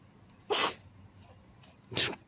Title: MATSUNOO GRAND SHRINE AND A SNEEZING CAT.